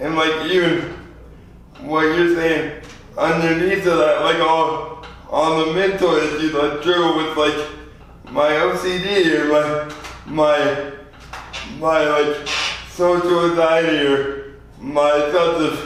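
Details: 24-year-old man with lifelong spastic quadriplegic cerebral palsy, born prematurely weighing 2 lb 4 oz; real patient; dysarthria.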